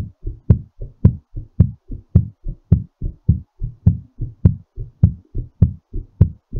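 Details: Clear, steady paired heart thumps at about 100 a minute, still slightly raised; a heartbeat during recovery after exercise.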